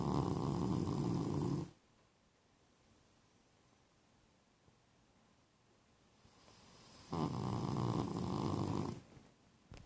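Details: Person snoring: two loud, coarse, fluttering snores separated by a long quiet pause, each starting with a hiss.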